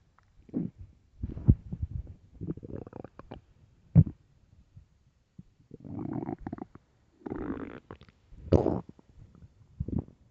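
Loud, deep, irregular gurgling and rumbling bursts from the abdomen, typical stomach growling from an empty stomach.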